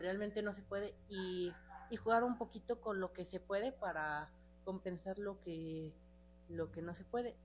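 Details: Young adult man, a recent medical graduate, with dysphemia (stuttering) that caused him to be bullied at school; word repetitions audible; stuttering.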